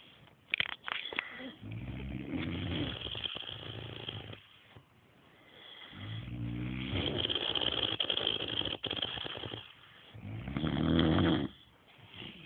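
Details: Person snoring in sleep: loud, rough snoring on each breath in, with quiet pauses, about five breaths in twelve seconds; ordinary snoring.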